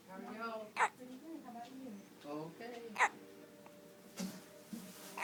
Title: got the hiccups